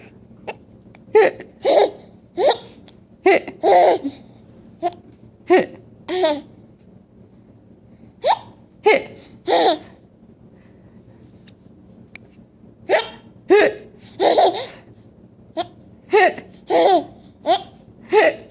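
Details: Young girl doing fake, imitated hiccups for fun while her mother copies her: repeated short, sharp, gasping hiccup sounds at about 90 per minute, mixed with laughter.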